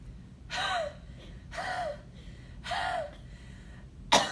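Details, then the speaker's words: Three breathy, open-throat forced exhalations, each about half a second, as a patient follows a physical therapist's "huff, huff, huff, then cough" cue for mucus clearance in pulmonary rehabilitation; huff cough. "I want you to say, huff, huff, huff, and then cough, okay?"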